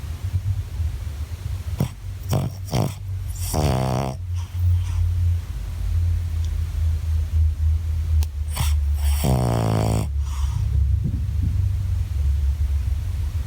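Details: Tired dog gives low, rumbling snores on two slow, drawn-out breaths with snorting between them, over steady low background noise; snoring.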